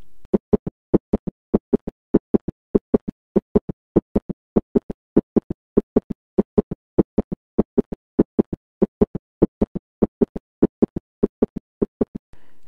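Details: Heart sound teaching recording: extra low-pitched third sound after S2 producing a ventricular gallop, normal in the young but pathological in older adults; may occur in severe mitral incompetence; ventricular (S3) gallop.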